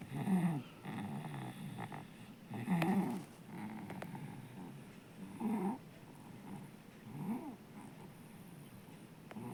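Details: Sleeping baby snoring as loudly as an adult: loud, rough snoring sounds with each breath, about 24 a minute.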